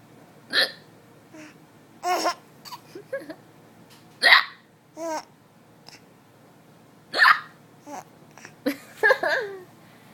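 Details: Person with hiccups while someone laughs at them: sharp, abrupt vocal hiccups roughly every few seconds, with laughter between them.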